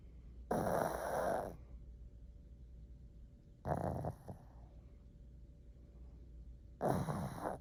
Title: One Minute Of Snoring Pug